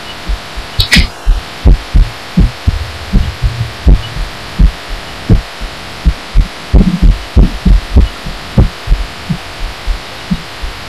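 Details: Own heartbeat felt and recorded through a pillow while lying down, audio amplified; the person wonders whether it is arrhythmia. Muffled low thumps about 85 per minute with somewhat uneven spacing; heartbeat.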